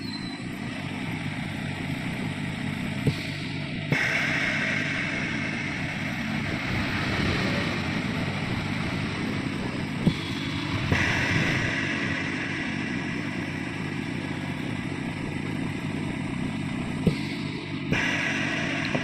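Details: Yuwell 10-litre oxygen concentrator running during a purity check with an oxygen analyzer (about 92–93% at 10 L/min and 1 L/min): steady mechanical whirring and hum, a few faint clicks; normal running noise.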